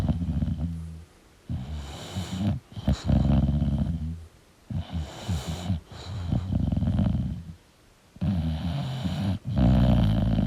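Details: Snoring from a sleeping English Bulldog: loud, rumbling snores in repeated cycles with brief quiet pauses between breaths.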